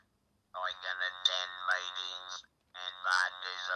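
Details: Electrolarynx speech after laryngectomy, from a neck-held vibrating device shaped into speech by lips, teeth and tongue; output sounds robotic.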